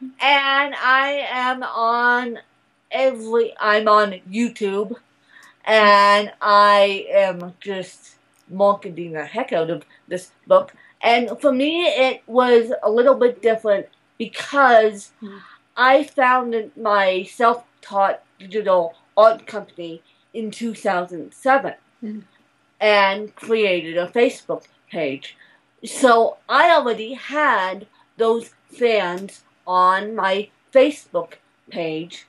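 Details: Adult woman born in 1987 with cerebral palsy from a birth injury, usually lack of oxygen; she reports a slight speech impediment that has improved over the years; the finding is dysarthria due to cerebral palsy.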